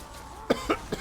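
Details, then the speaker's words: Three short dry coughs in quick succession from an adult with a sore, itchy, irritated throat after screaming at a party; cough. "I was uh I scream my my lungs out. Oh my god, that's that's a mini. But um I was screaming my lungs out cuz I was having fun >> and uh the aftermath is not very pretty killing my throat."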